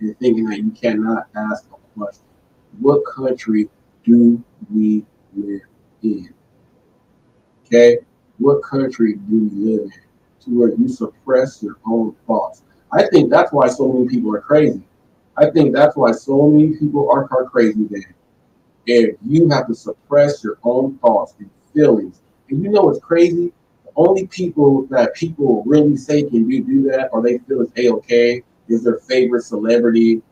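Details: Male who has stuttered since birth, struggling with it since childhood and now much improved, with word repetitions; stuttering.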